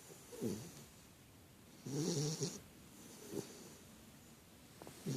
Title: Big snore